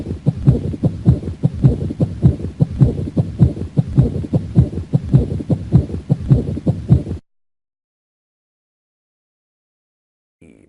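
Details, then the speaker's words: Teaching-recording example: rapid, regular heart sounds with a scratchy, grating quality over each beat, a pericardial friction rub, described as very difficult, presented as a differential choice in a mitral stenosis case. "five Choice e that's a paracardial friction rub that's a paracardial friction rub very difficult very difficult paracardial friction rub"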